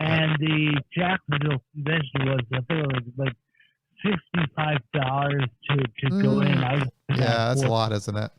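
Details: Acquired speech impediment caused by a major auto accident, in an adult man.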